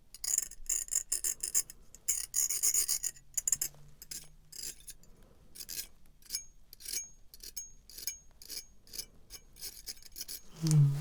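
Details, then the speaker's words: Acted ASMR dentist roleplay: rhythmic scratchy rasping strokes of a dental scraper removing non-excessive plaque from the back of the teeth during an examination of the teeth, mouth and jaw. "Yeah, there's definitely some plaque built up at the back there. I mean, it's not excessive, but you know, it's there. Let's see if I can scrape some of that away."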